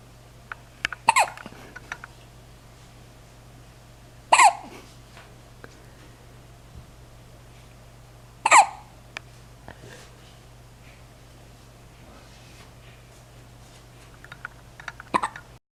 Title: Hiccup Hiccup Hiccup